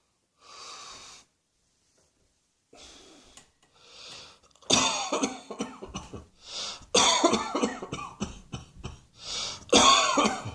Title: Cross Dressing Coughing 100